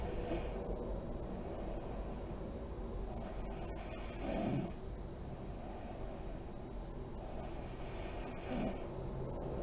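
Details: Adult woman (a mother) asleep with lights on, described as deep REM sleep: slow, soft snoring breaths with faint lip-puffing on exhalation, about two cycles in ten seconds, over room hiss; snoring.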